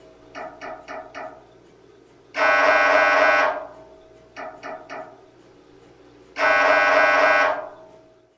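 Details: MRI scanner sample sound for patient preparation: repeating pattern of four short knocks then a long loud buzz, heard twice; ordinary sequence noise.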